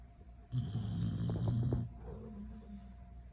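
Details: Sleeping beagle snoring: one loud, rough, fluttering snore on the in-breath, then a softer breath out; ordinary dog snoring.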